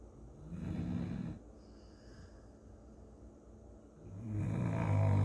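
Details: Sleeping English Chocolate Labrador dog snoring: low, rumbling snores on two breaths about three and a half seconds apart over faint room noise.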